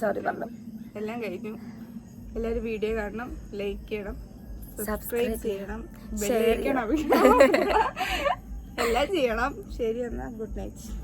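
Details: Adult woman speaking; ordinary speech.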